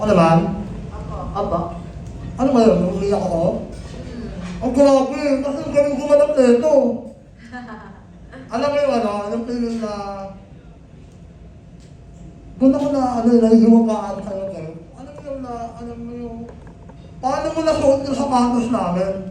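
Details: Film cast member who says people like them never had such a movie; the film concerns cleft palate speech; cleft palate speech (hypernasal speech).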